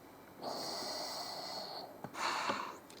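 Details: VITAE 40 transport ventilator in operation: hissing airflow of a delivered breath, then a click and release of gas as the mechanical ventilator cycles.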